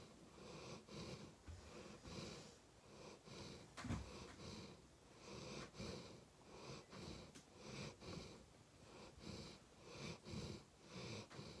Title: Golden retriever snoring